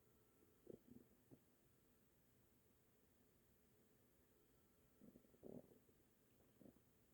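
Brief gurgling, bubbly rumbles in two clusters over a quiet background, typical ordinary stomach rumbling.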